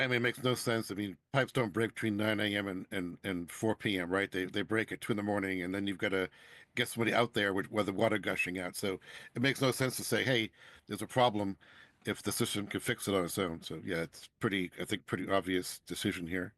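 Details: Adult man speaking; normal voice.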